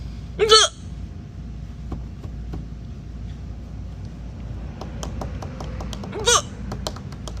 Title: Young TikTok lady with loud and sharp hiccups!